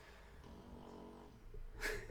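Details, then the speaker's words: Small female pet dog sleeping, snoring: a low, rattling rumble on an in-breath, then a short breathy snort, in a quiet indoor room; snoring. "sorry if you can hear um Fifi snoring by the way it's my little doggy I don't this might be awkward to show on I don't know if you can see it yeah she's under there snoring"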